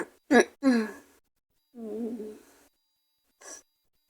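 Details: Sick with a cold, sore throat and headache: a few short, rough coughs and a hoarse, strained vocal sound; raspy cough with hoarse voice.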